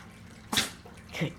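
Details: Sneezing on command from a small female pet coaxed with treats: two quick, soft, hissing sneezes less than a second apart.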